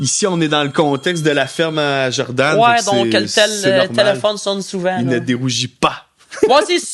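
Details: Adult male who stutters, more when tired and at changes of season, and says speech therapy did not help him; French speech; stuttering.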